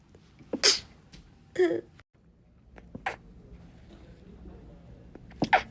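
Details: From a short compilation of rapid sneezes: about four short, sharp, explosive bursts of air with clicks and room noise between them; sneezing.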